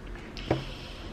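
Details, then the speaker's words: Young boy, described as very tired and quite ill, gives a single short, sharp cough against quiet room noise; cough. "Vous l'entendez tousser non? Ouais."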